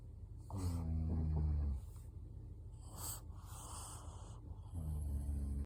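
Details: A pug gives loud, low, rattling snores on the in-breath, with a soft airy out-breath between them.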